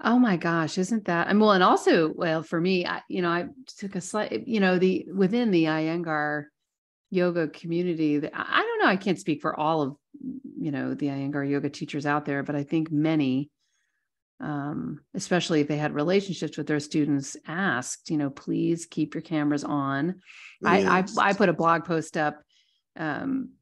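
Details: Adult male speaker; normal speech.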